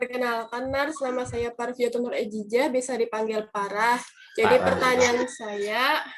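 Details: Adult woman speaking; normal voice.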